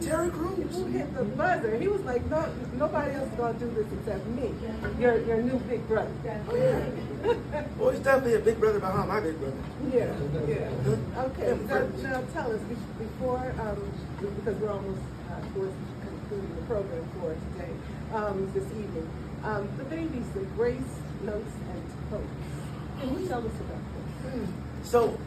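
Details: Adult speakers in conversation; ordinary speech.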